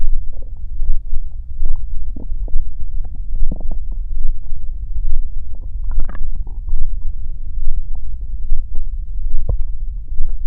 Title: Stomach growl